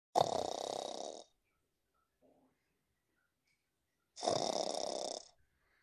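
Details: Pet lying down asleep with added snoring audio, labelled as not really snoring: two long, raspy, snore-like breaths about four seconds apart in a quiet room; imitated or faked snoring sound.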